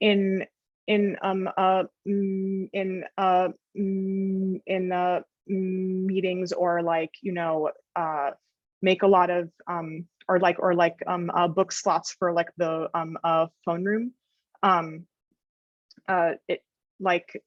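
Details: Adult woman who stutters and reports that her stutter becomes severe in some situations: stuttering.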